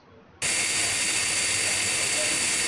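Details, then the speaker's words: High-speed dental handpiece with a 1 mm round bur held perpendicular to the occlusal plane, cutting to 1.5–2 mm depth at the pits in a class I amalgam cavity preparation of a mandibular first molar: steady high-pitched hiss and whine after a sudden start. "this is done by the use of a round bur 1 mm in diameter the B is put perpendicular to the oclusal plane at the depth of the fory"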